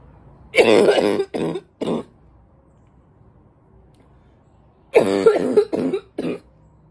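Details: Adult with a congested barking cough, worse this past week, possibly from allergies: two bouts of three harsh, barking coughs with a congested, wet quality.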